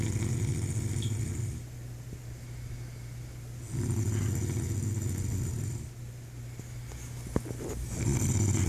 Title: Snoring the reason I'm up at night